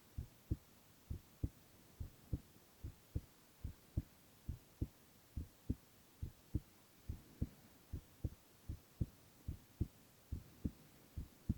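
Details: Male ASMR recording of his own heart: steady, low, regular double thumps at about 70 per minute; normal heart sounds.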